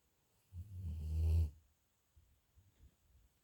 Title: My dog snoring 😄😄😄